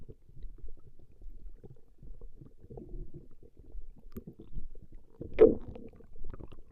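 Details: Recording of a woman's stomach growling: low, irregular gurgling and rumbling with a louder gurgle near the end, gas and fluid moving through the gut; borborygmi.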